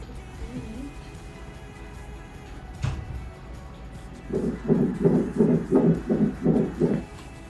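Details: Normal fetal heartbeat on ultrasound at a first OB visit in early pregnancy, with the gestational and yolk sacs visible: fast, regular whooshing pulses near 170 a minute after a quiet room hum.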